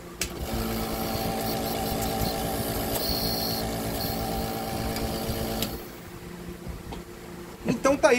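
Steady buzzing hum of a small compressor motor for about five seconds, then fading to quiet room noise; a nebulizer compressor running.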